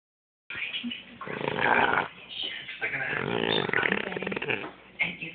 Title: Snoring Dog..hilarious